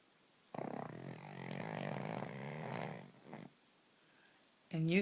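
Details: Sleeping pug snoring nightly: a long, rough, rattling snore on the in-breath followed by a shorter one.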